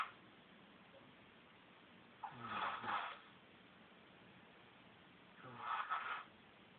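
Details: Snoring during sleep: two rough, rattling snores about three seconds apart over quiet room noise.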